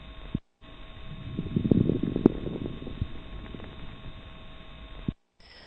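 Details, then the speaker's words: Low, bubbling pops scattered through breathing, played as an example of coarse crackles, contrasted with fine crackles that sound like wood burning or hair rubbed between the fingers. "with the fine crackles it sounds like wood burning or if you take a piece of hair and hold it up to your ear and rub that piece of hair in between your index finger and your thu"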